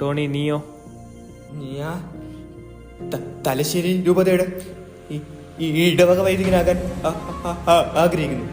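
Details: Acted portrayal in a Malayalam short film of a boy character who stutters; stuttering.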